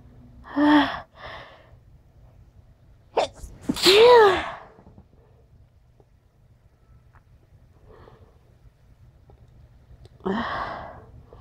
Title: sniffles and sneezes